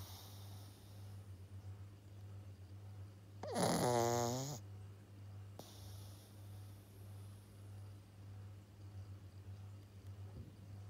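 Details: Snoring in a sleeping 7-month-old Pug puppy: one brief, loud, rattling snort over a steady low hum of room noise; snoring.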